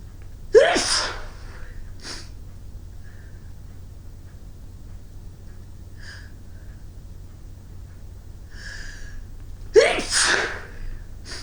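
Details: A person sneezing after clearing snow outdoors in winter, with a runny nose afterwards: two forceful sneezes about nine seconds apart, each with a sharp intake and explosive burst, plus small breaths between.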